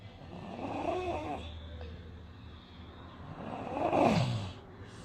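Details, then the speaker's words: Low, coarse snoring-like breath sounds (ronco), rhonchi from secretions in the larger airways, shown as an example in a paediatric otolaryngology lecture on subglottic hemangioma. "eu vou mostrar aqui alguns exemplos de ronco conhecer uma ideia quem tá diferente a isso daí"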